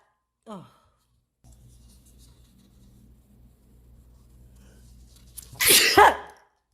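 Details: Quiet room hum, then one loud, explosive sneeze with a sharp intake before it, from an Asian girl in a sneezing compilation; an ordinary sneeze.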